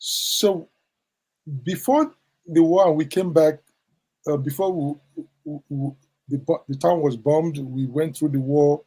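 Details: Stuttering in an adult man who attributes it to trauma from the Biafran war in childhood; he says its severity varies, sometimes endurable and sometimes not.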